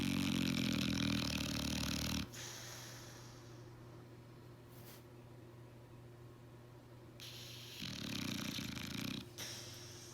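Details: Blue nose pit bull dog asleep, two long, loud rattling snores separated by a quiet exhale over a steady low room hum: snoring.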